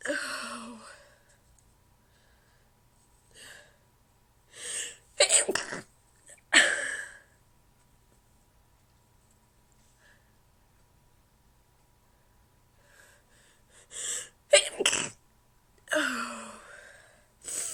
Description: So, I decided to go ahead and record some stifles for you guys. They were hard to stifle, and one of them came out.